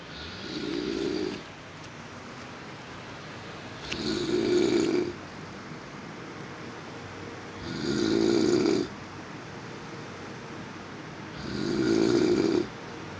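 Four loud, harsh snores about every four seconds, roughly 16 breaths a minute, with quiet breathing between; heavy snoring.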